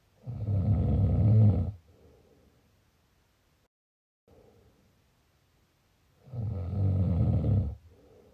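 Two loud, rattling, low-pitched snores on breathing in, each followed by a softer breath out.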